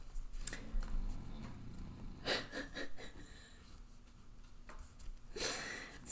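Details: Low, rough snoring breaths with snorting bursts recur in the background of a quiet small room, from a sleeper described as extra tired.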